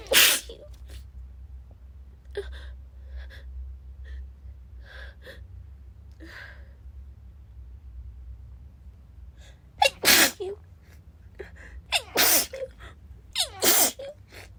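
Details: Female sneezing nonstop just after waking, half-awake: several sharp sneezes with quick gasps and quieter breaths between, nose building up to full strength, in a quiet room; sneezing.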